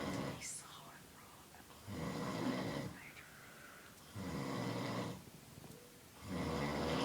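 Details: A man sleeping after a long hard workday gives rough, rattling snores about every two seconds, alternating with quieter breathing. He is also said to be grinding his teeth, and someone laughs and snorts in the background: snoring.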